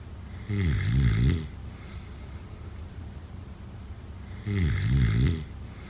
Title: #snoring #sleepnoises #snoringasmr #sleepsounds #snoringsleepingsoundeffect #snoringsounds